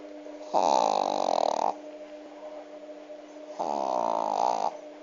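Two long, rattling snore sounds about three seconds apart, with a steady background hum. Snoring in a sleeping dog.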